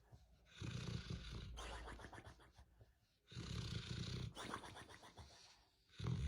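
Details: Compilation of cats and dogs snoring loudly while asleep: rough, rattling snores with deep grumbling breaths in and out; harmless pet snoring.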